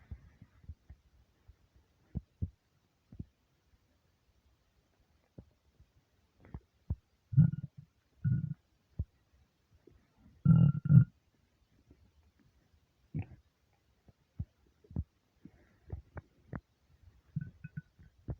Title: starving stomach rumbles